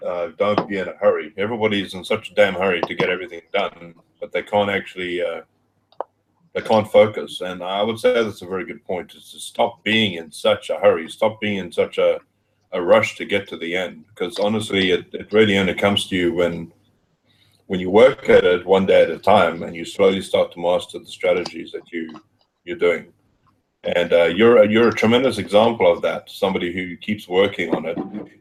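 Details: Adult male speaker; normal speech.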